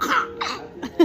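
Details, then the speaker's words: Child making a few short, light, voiced cough-like sounds on purpose, a playful imitation of coughing: voluntary (fake) cough. "That's a fake cough."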